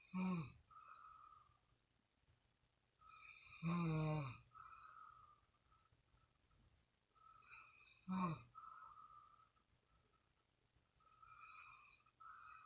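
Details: Adult man snoring, recorded by his partner as proof: three brief snorting snores about every four seconds over quiet room noise, with soft breathing between; snoring.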